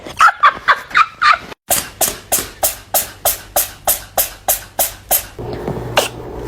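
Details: Cat sneezing repeatedly in a funny-cat compilation: a few squeaky sneezes followed by a rapid run of about a dozen short, sharp sneezes in a row.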